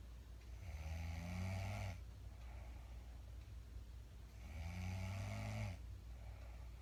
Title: My wife was snoring a bit louder tonight. Lol